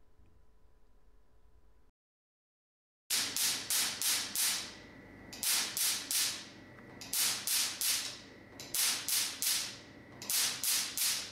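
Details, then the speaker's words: Bossayer T8 laser tattoo removal unit test-firing at a paper target about 5 cm away: silence, then rapid sharp snapping pulses in short runs, about three a second. "Okay, now I'll show you an example of that setting. Here we go."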